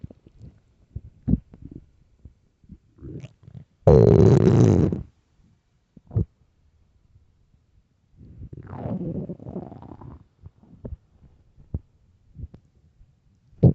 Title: extreamy hungry empty stomach growling loudly part 1